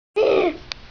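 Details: Vocal tic (throat clearing) in a 7-year-old child with Tourette syndrome, during a tic attack while doing homework in the evening.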